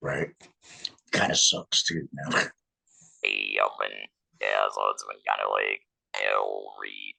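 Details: 47-year-old man, laryngectomee since a 2019 laryngectomy, speaking with an electrolarynx, which took him about a year to get familiar with; electrolarynx speech.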